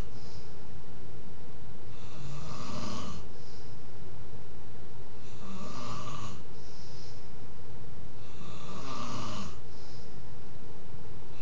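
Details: Adult snoring during sleep: loud, rattling snores on each in-breath, about every three seconds (roughly 19 per minute), over a heavy low hum; the snorer denies snoring.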